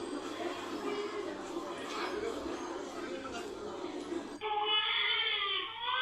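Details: Infant crying recording played through speakers with noisy household background, recorded by microphone to test a real-time cry detection algorithm: noise, then a wailing infant cry begins.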